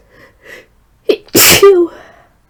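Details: Strong sneeze during flu, induced because a nasal tickle persisted after sneezing earlier that morning: short catching breaths, then one forceful explosive sneeze trailing into a voiced groan.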